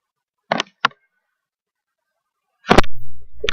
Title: Sneezing with my eyes closed haha : REQUESTED VIDEO